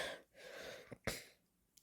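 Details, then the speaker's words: A single short dry cough with a brief breath before it, in a quiet room; the speaker attributes it to allergies. "Sorry guys, there's allergies. I. Who else here hate allergies? Cause it sucks."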